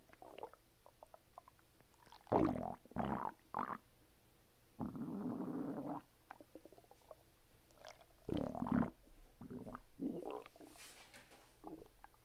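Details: Bowel sounds (borborygmi) after a bowel movement: irregular gurgles and rumbles from the belly as gas and fluid move through the gut.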